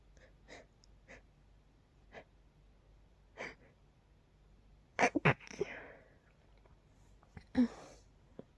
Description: A night tickle sneaked into my nose... Tried to be as quiet as I could 🤫